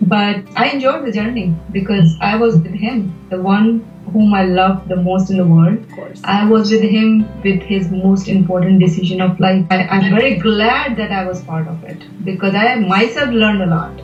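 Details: Adult woman speaking; typical speech.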